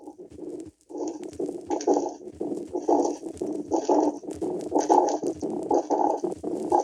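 Harsh, scratchy rubbing bursts repeat with each heartbeat, about 60 a minute, over a steady background hiss: a pericardial friction rub.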